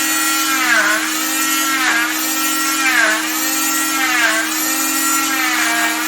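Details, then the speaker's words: Cast saw cutting a fiberglass short arm cast in a straight line along the ventral side of the arm during removal: steady high motor whine with rising and falling grinding as the blade bites in and lifts. "So again, it's just a straight line this way, a straight line on the ventral side of the arm."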